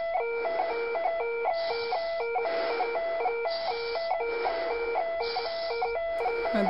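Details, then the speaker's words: Pulse oximeter low-saturation alarm during deliberate helium inhalation with SpO2 and EKG monitoring: a repeating two-tone electronic alarm over background music, triggered when oxygen saturation fell to 83%. "now my oxygen saturation dropped to 83 which triggered the alarm"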